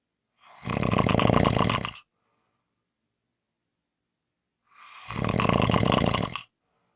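Two loud, coarse, rattling snores, each lasting more than a second, separated by a long silent pause: heavy snoring.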